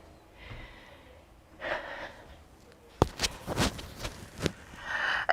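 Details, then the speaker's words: Adult sneezes while leading a marching exercise, with two catching inhalations, then an explosive burst and a few noisy follow-ups; the speaker says their sinuses squeak when sneezing; sneeze. "excuse me ah can can you hear my sinuses did you hear that did you hear it i held in my sinuses squeak when i sneeze"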